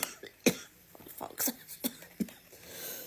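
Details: Several short, quiet coughs over about three seconds against some room noise, followed by the person saying they feel sick; cough.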